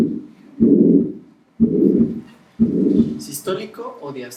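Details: Tricuspid regurgitation systolic murmur on the Harvey cardiology simulator, heard at the tricuspid focus (below the xiphoid per the American convention).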